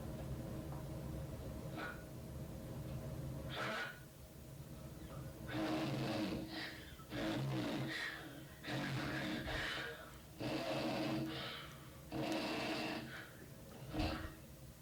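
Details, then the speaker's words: Woman with obstructive sleep apnea, fish-mouth appearance: a quiet stretch with breathing effort but no airflow, then loud, irregular snoring bursts as increased effort overcomes the upper airway obstruction. "they're breathing but you're not hearing anything and then she increases her effort so much that she overcomes the obstruction you'll hear a lot of snoring"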